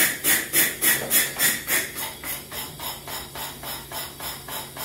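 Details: Rapid, regular hissing pulses, about 200 a minute, softening as the rate dial is turned; a pneumatic intrapulmonary percussive ventilation (IPV) device giving airway-clearance bursts.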